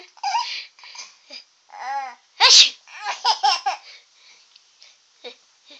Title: Baby Laughing At Fake Sneeze